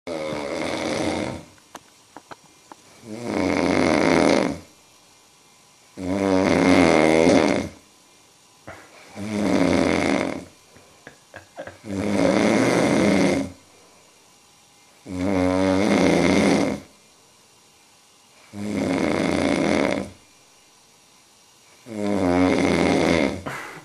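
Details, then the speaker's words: Loud, regular snoring from a sleeping adult, about 19 snores a minute with quiet pauses between, heard as far as the bathroom at 5 a.m. and keeping someone awake: snoring. "ese cabrón no me deja dormir ronquidos se escuchan hasta el baño no"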